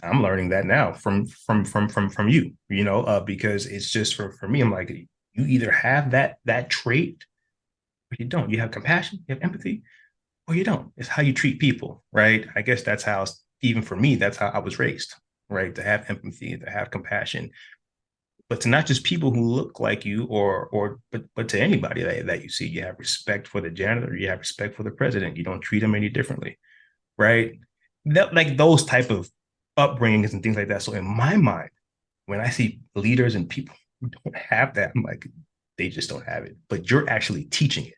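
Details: Adult man who has stuttered, sharing the same speech impediment as his guest; stuttering.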